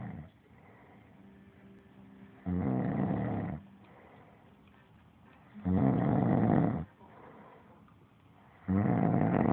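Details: Heavy snoring that happens every night during sleep: loud, harsh rattling snores on each in-breath, about one every three seconds, with quiet pauses between.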